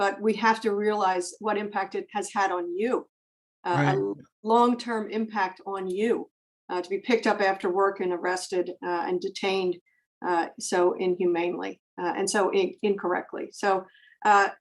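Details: Adult speaker, likely female; normal speech.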